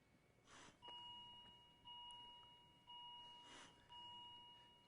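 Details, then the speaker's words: Repeating two-tone electronic alarm about once a second on a CAE Healthcare HPS human patient simulator after a simulated paralytic (doxacurium) injection, signalling apnoea: the simulated patient has stopped breathing before bag-valve-mask ventilation. "hear the alarm telling me that the patient has stopped breathing and i'm going to go ahead and deliver some breaths"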